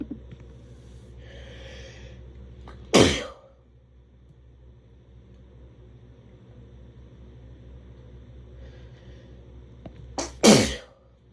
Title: Very strong sneezes